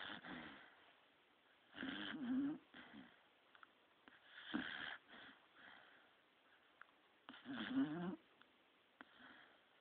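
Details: Snoring in a sleeping 3-year-old female beagle: loud rhythmic rattling, wheezy breathing noises about every three seconds.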